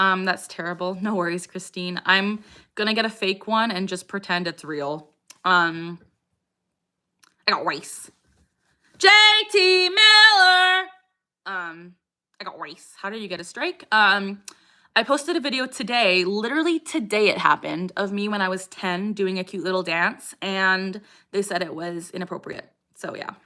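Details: Adult woman with Tourette syndrome whose vocal tic phrase "I got rice" interrupts her speech during a livestream; vocal tics (Tourette syndrome).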